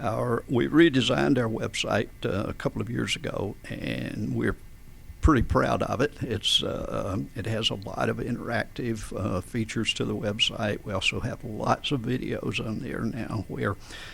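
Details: Adult man with adductor spasmodic dysphonia since about 1999-2000, in which vocal folds spasm and slam together and don't release, so speaking takes extra effort and feels strangled; treated with botulinum toxin injections; adductor spasmodic dysphonia.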